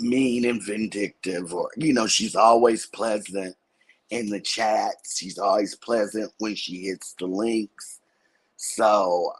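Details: Adult woman with dysphonia after thyroidectomy, in which her vocal cord was accidentally touched during surgery; she expects her voice to recover in about a couple of months; finding: post-thyroidectomy vocal fold injury dysphonia.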